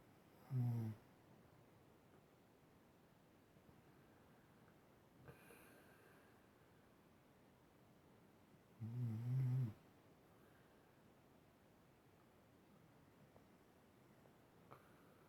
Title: My dad snoring!😑